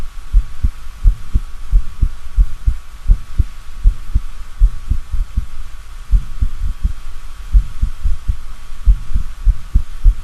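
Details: Low heart thumps with uneven spacing and an occasional early beat followed by a pause: an extrasystole, an extra premature heartbeat.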